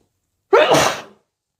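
One sharp, forceful, wet sneeze bursting from silence and fading within about half a second.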